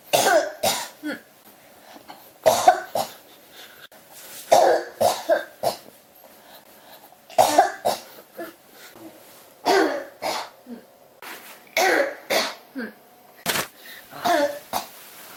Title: 咳が止まらない48 cough